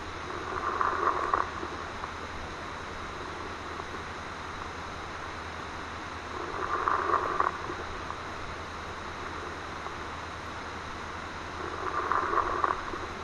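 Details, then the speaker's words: Simulated lung sounds during a thorax and lungs exam, about 11 breaths a minute, with brief discontinuous high-pitched crackles on each inspiration: fine crackles. "you may hear crackles during inspiration these discontinuous sounds may be high-pitched fine"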